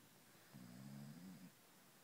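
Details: Beagle asleep, giving a single soft, low, droning snore lasting about a second against quiet background hiss: snoring.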